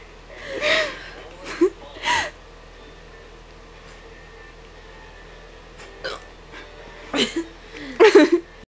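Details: A girl gives several abrupt, voiced hiccups spaced a few seconds apart, with soft vocal sounds between them; hiccups.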